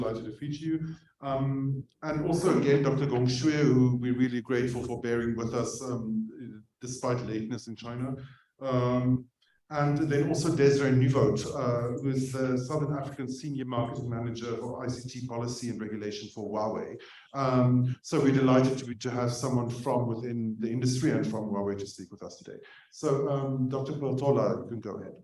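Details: Adult man speaking; Normal voice.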